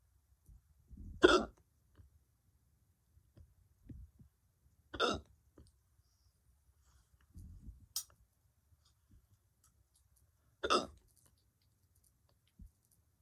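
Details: Unpredictable hiccups in a male who woke up with them: four abrupt, sharp hiccup bursts at uneven intervals over about 13 seconds, with quiet breaths between.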